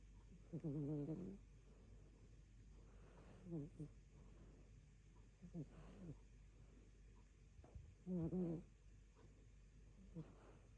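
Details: Rescue cat asleep and dreaming on an afternoon, with soft, low rumbling snores recurring about every two to three seconds over quiet room hum; snoring.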